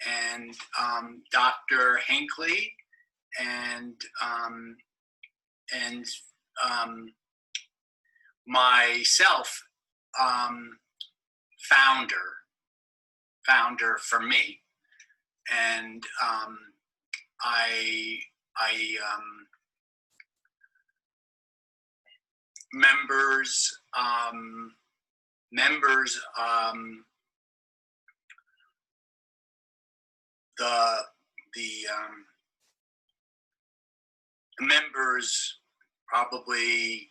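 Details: Adult man, seven years after a stroke, in conversation, with relatively preserved comprehension and possible apraxia of speech, cued by his wife; non-fluent Broca's aphasia.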